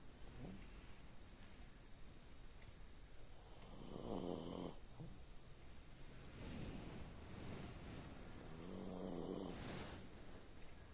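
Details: Tired French bulldog sleeping and snoring: slow, rough rattling breaths with a fluttery snore on each inhale, about two cycles in eleven seconds.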